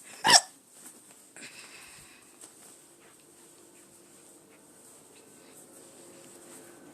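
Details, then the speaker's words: A single sharp, sudden hiccup near the start, then quiet room noise. "okay please have another hiccup there we go okay uh uh"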